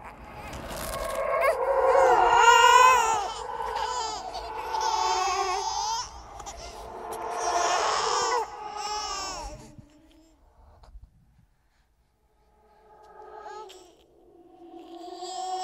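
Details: Created horror sound-effect track of a ghost baby, not a real infant: wailing, rising and falling infant-like cries in bursts, fading to quieter whimpers; infant cry.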